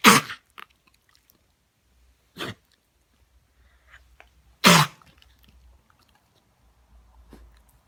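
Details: Dog giving three sharp, explosive cough-like bursts of air with quiet pauses between; owner suspects a cough or other issue.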